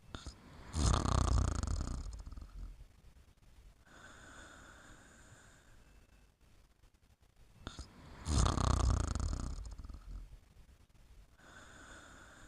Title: Suzy Sleeping and Snoring in 30 seconds